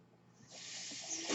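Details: A soft rush of air swells quickly into a steady loud hiss as a man's own mechanical ventilator delivers a breath while he records a spoken podcast: mechanical ventilator breath cycle.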